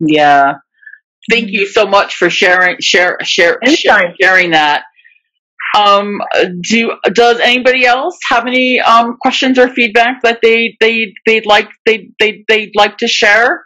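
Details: Webinar host, a person who stutters, speaking in a stuttering-association webinar with part-word and word repetitions and fillers; stuttering.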